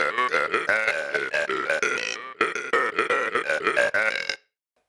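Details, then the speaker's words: Voluntary burp arpeggios by a burping champion, hitting the stomach to modulate airflow: a long run of loud, voiced, deliberately shaped burps with changing pitch, ending abruptly. "now arpeggios use the technique about The Melodies and then hit your stomach like this to modulate the air flow and produce their pator"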